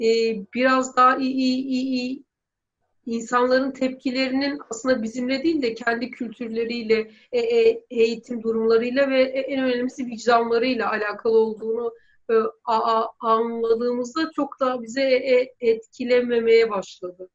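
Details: Woman who stutters, doing fear-exposure exercises from self-help stuttering work; repetitions such as "bbbbb" and "e e e"; stuttering.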